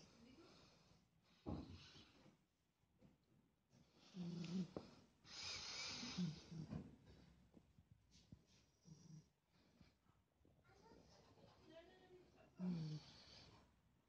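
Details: Sleeping pet cat, once a kitten, napping with soft, irregular snoring breaths and snorts; ordinary snoring.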